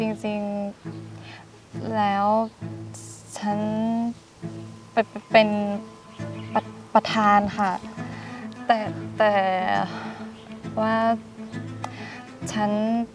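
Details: Acted stuttering by a female character in a comedy skit, said to be not from birth but from a lack of self-confidence; stuttering (acted).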